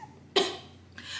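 A single short, breathy cough-like burst in a quiet room: a simple vocal tic of Tourette syndrome.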